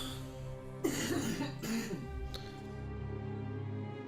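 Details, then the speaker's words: Two loose, rattly coughs from an adult woman in the background over steady game music, ill with a spreading illness now at its wet cough phase: wet, productive cough. "as you can hear my wife's not feeling great she basically seems to have what I had although it seems to be going through her system a little faster than it did with me cuz you're already at the wet cough phase"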